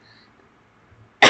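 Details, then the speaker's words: Person who is unwell with a sore throat and kept coughing throughout a recorded presentation: near silence, then one abrupt harsh cough at the very end, cut off. "Mohon maaf juga karena saya batuk-batuk terus dari awal video sampai akhir."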